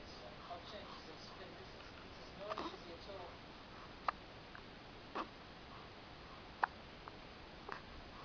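Faint, sharp, brief catches recur about five times over several seconds against quiet room hiss, fitting hiccups.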